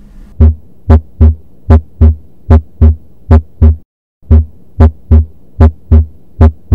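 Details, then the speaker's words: Dog heart auscultation: regular lub-dub sounds at about 75 beats a minute, S1 usually slightly louder than S2; normal two-sound cardiac cycle. "La plupart du temps, le bruit B1 est un petit peu plus fort, un peu plus puissant que le bruit de B2."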